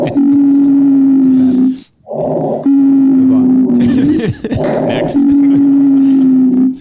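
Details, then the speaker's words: A lung sound played in an EMS quiz gives long, steady musical whistles on each breath out and short rushing breaths in, from narrowed airways: expiratory wheezing. "this is expiratory wheezing and dan you were throwing like 15 different treatment modalities at it"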